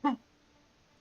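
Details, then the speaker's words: An adult gives a single brief, sharp, voiced burst in a quiet room, a sudden cough that sounded like a sneeze; cough. "God damn I wasn't sneezing I was coughing that sounded like a snooze"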